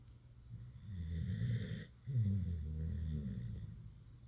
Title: Buddy the Staffie having a nap (turn up the volume for some cute snoring!) 😴🐶😍